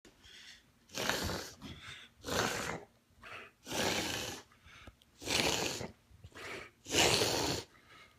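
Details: A dog makes repeated harsh, snorting breaths once or twice a day for a few months. The owner wonders about reverse sneeze, tracheal collapse or laryngeal paralysis. An abnormal upper airway noise of undetermined type.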